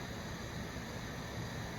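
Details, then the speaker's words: Nasal CPAP home unit running during a respiratory therapist's setup demonstration: steady hissing rush of air from the circuit's exhalation port, which must never be blocked; normal CPAP airflow. "you will feel air coming out of this little exhalation Port that's important you never want to block that"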